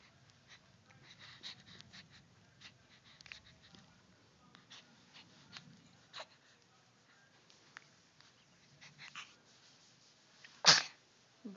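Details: Three-day-old newborn during a sneezing fit: soft snuffles and small breathy noises, then one sharp, loud sneeze.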